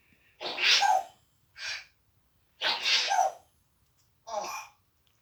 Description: African grey parrot doing is sneezing act warning there is a swear word in the video from the parrot.